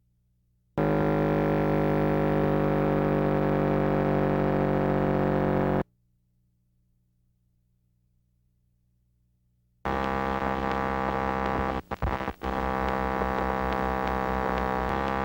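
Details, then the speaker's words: Complex repetitive discharges on needle EMG: steady machine-like buzz that starts and stops abruptly, ceasing with minimal needle movement from the generator; in pathology usually accompanied by profuse fibrillations and positive sharp waves. "On many occasions, the generator can be accurately pinpointed because with a minimal needle movement from the generator, CRDs will cease firing. Watch and listen to CRDs."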